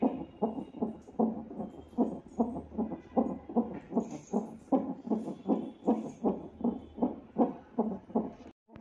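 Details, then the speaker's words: Fetal heartbeat on CTG monitoring in hospital during labour pains: rapid, regular whooshing thumps from the monitor speaker, about 150 beats a minute, a normal fetal heartbeat. "ఇక్కడ చూడండి సీటీజీ పెట్టారు నాకు. నా baby heart beat వినండి. Heart beat వింటున్నంత సేపు ఎంత హ్యాపీగా అనిపిస్తదంటే అంత హ్యాపీగా అనిపిస్తది."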